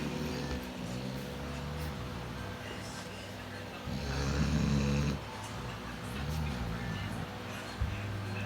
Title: The snoring dog😂😂